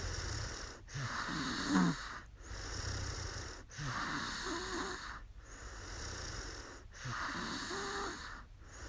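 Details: Young woman snoring after falling asleep during a live stream: steady breathing with rough, fluttering snores on each breath, about four breaths in nine seconds.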